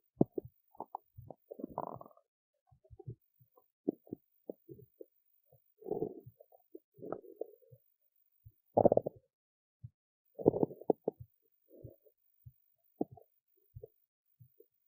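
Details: Hungry belly after skipping lunch: irregular gurgles, squeaks and bubbling rumbles in near silence; normal borborygmi from hunger.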